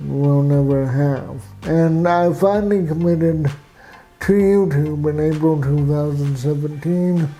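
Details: Adult man with cerebral palsy, with walking difficulty and frequent falls; real patient speech; dysarthric speech in cerebral palsy.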